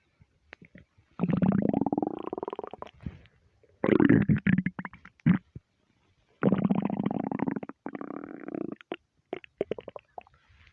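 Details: Loud, long gurgling and groaning stomach rumbles in several bursts with quiet gaps, attributed to being half hungry and half gassy from eating too much; borborygmi.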